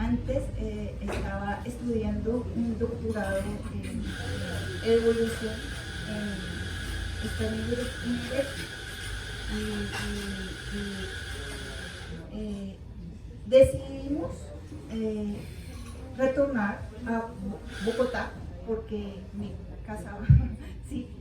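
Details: Adult woman, 13 years post-stroke with a month-long coma and surgery, initially unable to speak, write or read, with half-body paralysis; aphasia (non-fluent speech).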